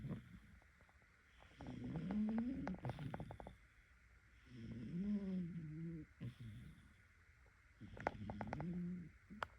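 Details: Snoring from a pet cat that the owner calls their son; the owner asks whether other cats snore like this.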